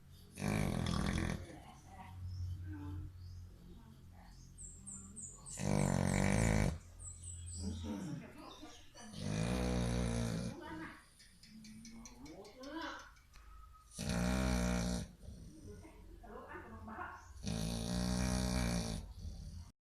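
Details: Sleeping American Bully dog: loud, deep, rattling snores about every four seconds, roughly 15 breaths a minute, with snuffling between; heavy snoring.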